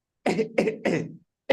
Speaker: the psychogenic cough that's This Is How They cough this is T type of Cofe for micoplasma camia